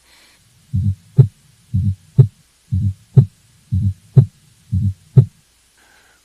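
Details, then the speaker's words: Teaching example of a fourth heart sound (S4 gallop, "Tennessee" rhythm) from blood striking a stiff left ventricular wall: regular heartbeat at about 60 a minute with an extra soft, low sound just before each S1. "i'll play you an example of the s4 now and just like patients remember the s3 by kentucky patients often remember the sounds of an s4 by tennessee"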